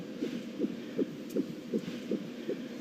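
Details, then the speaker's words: TV drama scene, pregnant woman who hasn't felt the baby move for a day and a half: rapid, regular whooshing fetal heartbeat on Doppler at about 160 a minute, normal, baby in perfect health. "Let me show you baby's heartbeat. That should reassure you."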